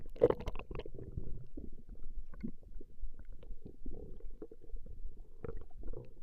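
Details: Female's stomach growling recorded over a 20-minute session: continuous low gurgling and bubbling rumbles from the belly, ordinary borborygmi during digestion.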